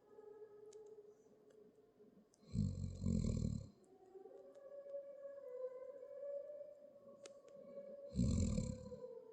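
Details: Two loud, low rattling snores about five seconds apart over quiet room noise; snoring during sleep.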